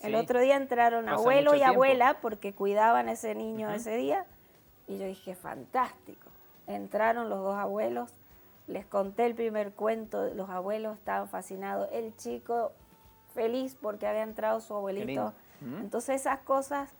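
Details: Adult woman speaking Spanish; Fluent speech.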